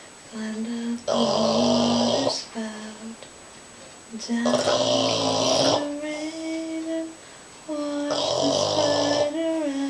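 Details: Sleeping Boston Terrier snoring: three loud snorting, rattling snores about three seconds apart, with softer whistling, squeaky breaths between them; snoring.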